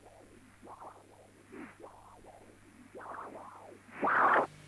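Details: Pulsing Doppler whooshes from the hepatic vein showing systolic flow reversal, a sign of severe tricuspid regurgitation.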